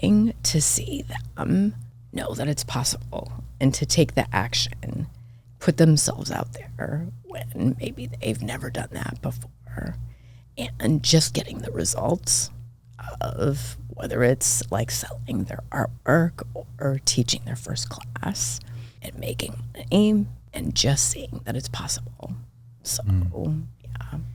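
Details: Adult woman with spasmodic dysphonia diagnosed this year, involving vocal cord spasms; she attributes it partly to voice overuse and stress, says it comes unpredictably, and it is occurring during this real recorded interview: spasmodic dysphonia.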